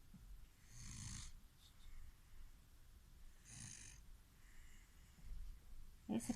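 A sleeping child snores through two clear inhalations about three seconds apart, each a rattling hiss over a low flutter: snoring.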